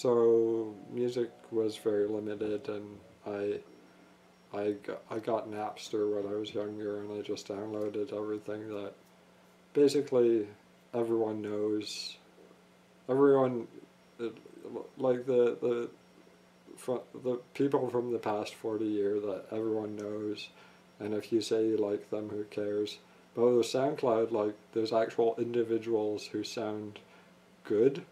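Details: Adult male who states he has a speech impediment of unnamed type; speech impediment (disfluent speech).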